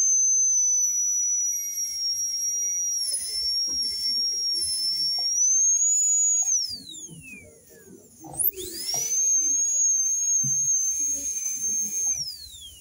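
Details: High-speed dental drill cutting tooth for a veneer in a diastema case, with a subgingival cervical finish: a steady high-pitched whine that stops, falls in pitch, then spins up again.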